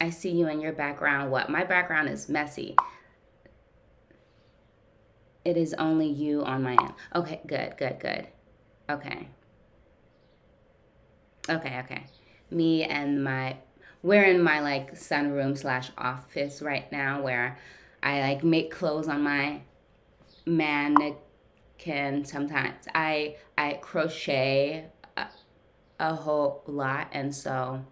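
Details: Adult woman who stutters, with usually silent blocks, in ongoing therapy with a speech pathologist; word repetitions; stuttering.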